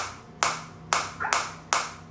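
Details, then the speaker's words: Focused (not radial) shockwave therapy device applied to the hand: sharp snapping pulses at irregular intervals, about two per second; focused shockwave device pulses. "As soon as I increase the intensity, the frequency will get decreased because they are adjusting according to the uh patient."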